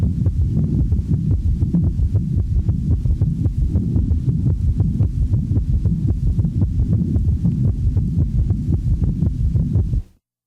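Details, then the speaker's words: Rapid heartbeat with three low sounds per cardiac cycle in a patient with congestive heart failure; third heart sound (S3) gallop. "since the heart rate is rapid one of the first compensatory mechanisms of failure one has the impression that there are three sounds with each cardiac cycle"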